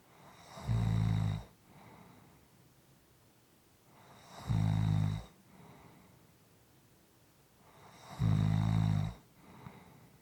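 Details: Deep, buzzing snores on each inhalation, each followed by a soft exhale, about 17 a minute; steady, soft sleep snoring.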